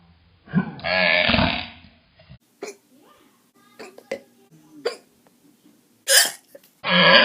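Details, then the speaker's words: Several short, abrupt hiccup sounds, with pauses between, some played in slow motion, plus longer noisy stretches; hiccups. "so here you go I'm just going to sit here and hiccup maybe I'll do some of these in slow motion yeah yeah very cool"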